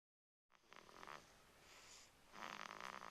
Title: Baby Snoring